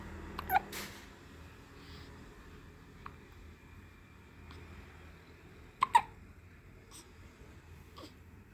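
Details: Hiccups in a baby girl: short, sharp hiccup sounds, several over about eight seconds, in a quiet room.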